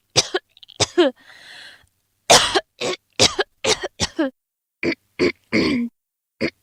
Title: Neck Gulp Coughing Sound Effect